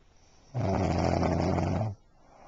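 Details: A single loud, rough, rattling snore over a second long in a quiet room, described as a wife snoring "like a cow"; snoring.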